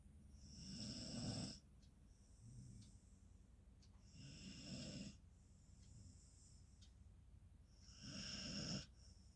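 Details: Beagle sleeping, snoring loudly: rattling snores on each breath, about 17 a minute, with softer breaths between; normal dog snoring during sleep.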